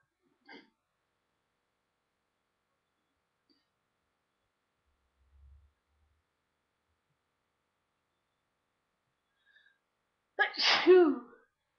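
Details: Sneezes deliberately helped out after hours of working out in cold air, with itchy, running nose: near silence with faint small sounds, then one loud voiced sneeze near the end.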